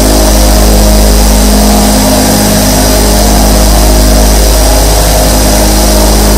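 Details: 24 nebulizer compressors running together, recorded as a sleep sound: loud, steady mechanical hum with fast, regular pulsing.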